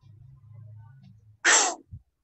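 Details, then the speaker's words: Demonstration of a huff cough (forced expiration technique): a deep breath, then a single forceful, open-throated exhalation driven by the abdomen rather than a cough, used to move airway secretions upward. "Pada saat huffing, ini ada metode huffing. Huffing itu tarik nafas, lalu ditekan seperti itu. Jadi bukan dibatukkan, tetapi didorong oleh perut melalui saluran nafas udaranya."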